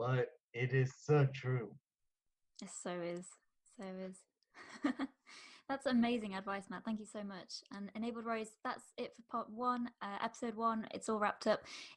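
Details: Adult woman speaking; normal speech.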